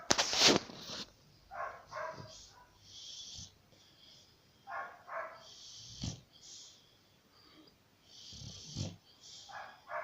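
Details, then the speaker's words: Sleeping dog with rhythmic snuffling breaths about every two to three seconds, some with a low snorting rattle; the owner remarks on how much she snores; dog snoring. "Peggy, ¿por qué ronca tanto pues?"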